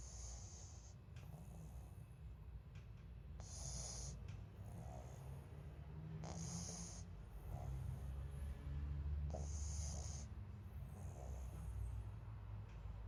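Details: Sleeping pug snoring: low, rumbling snoring and snorting with noisy breathing throughout.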